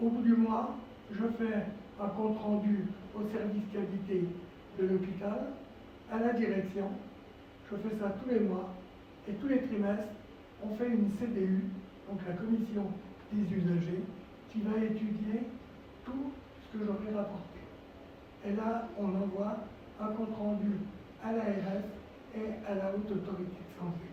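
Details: Adult man, a former nurse, with dysphonia from vocal cord lesions and respiratory problems following coronary bypass surgery, complications including pleural problems, and 4 months in intensive care.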